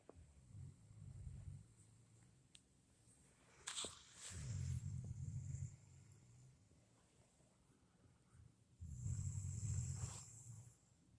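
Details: Low, rumbling snores about every four seconds, roughly 15 a minute, with a faint whistle on some breaths: snoring.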